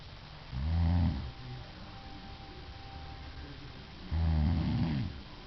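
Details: Adult woman (wife) snoring: two deep, rattling, low snores about three and a half seconds apart over a steady background hiss; snoring.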